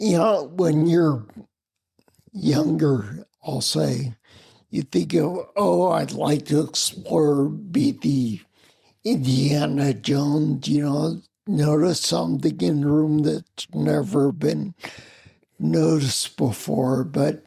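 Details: Adult man with spinocerebellar ataxia of unknown cause, slurred speech since around 1999, hard to understand on the phone, with mobility problems: ataxic dysarthria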